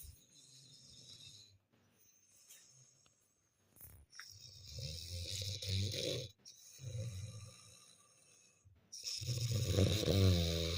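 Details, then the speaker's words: Snoring at 2 a.m. on a winter night, with a baby playing awake nearby; low, rough rattling breaths come in repeated runs, louder toward the end, with some room noise. "নাক ডাকাতে ঘুমাতে পারছি না ইনি এখন রাতে খেলা করবে।"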